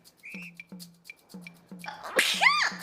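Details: Female VTuber sneezing during a live game stream: soft rhythmic background music, then a loud sneeze burst with a rising and falling voiced cry.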